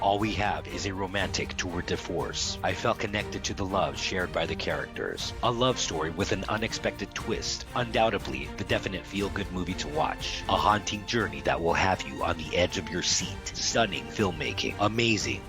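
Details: Adult male voiceover; normal voice.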